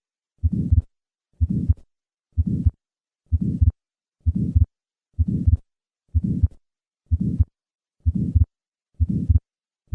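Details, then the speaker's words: Innocent systolic flow murmur at a regular rate of about 63 per minute, soft and peaking early in systole. It reflects a normal flow velocity profile across the aortic valve, unlike the late-peaking murmur of aortic stenosis. "innocent murmurs reflect a normal flow velocity profile across the aortic valve"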